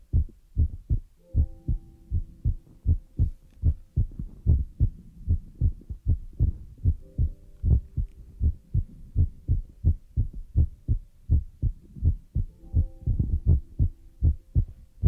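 Steady low paired thumps of a heartbeat, about 80 a minute, with faint soft tones in the background.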